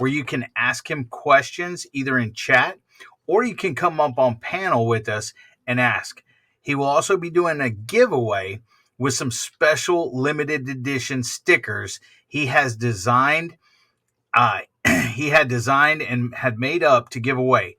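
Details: Adult speaker; Ordinary speech.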